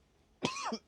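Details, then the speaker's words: A single short, harsh cough from a woman recovering from an illness, coughing whenever she talks and losing her voice; cough. "et cette nou veut pas partir dès que je parle, je tousse à mort. Vous entendez ? Je perds la voix en même temps."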